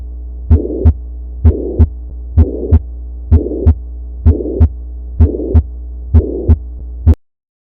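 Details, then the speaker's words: Mitral regurgitation: holosystolic (pansystolic) blowing murmur starting right after S1 and continuing to S2; regular heartbeat about 64 a minute. "Typical murmur of MR is defined as holosystolic or pansystolic murmur commencing immediately after first heart sound and continuing up to second heart sound. It is best heard at the apex. Murmur radiates to axilla."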